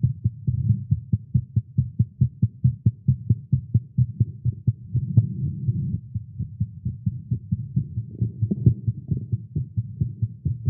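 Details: A male heartbeat recorded after exercising with caffeine, tagged as irregular and fast. There are rapid, low thumps at roughly 135 to 140 a minute with uneven spacing, a fast heartbeat.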